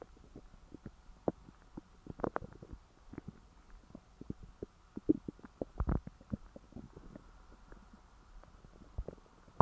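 Frequent low gurgles and bubbling pops from the belly after a large meal; active stomach growling.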